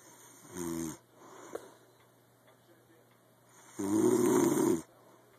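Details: Nightly snoring during sleep: two loud, rough, buzzing snores with quiet breathing between them, in a quiet room.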